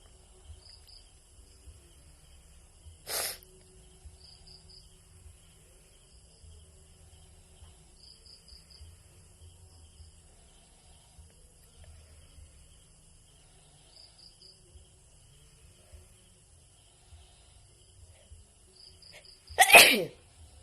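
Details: A Filipina woman sneezing: two short, sharp sneezes about sixteen seconds apart against a quiet outdoor background with insect chirping; ordinary sneezing.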